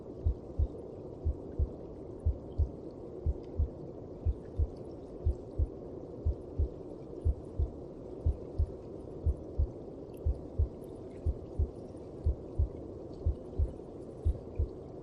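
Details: Heartbeat heard inside the mother's belly, as from within the womb: regular soft thumps at about 60 per minute under a steady muffled whooshing hum.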